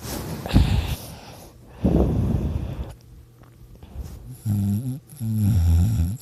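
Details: Snoring during sleep: loud, low snorting snores with noisy breaths and some throaty, voiced sounds.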